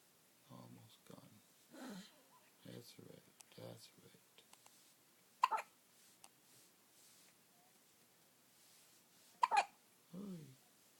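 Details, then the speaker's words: 4-day-old baby boy's first hiccups, at 7:30 am: soft baby vocal sounds broken by two sudden, sharp hiccups about four seconds apart, one notably loud; infant hiccups. "Baby hiccups. Powerful thing. Oh yeah. That was a loud one."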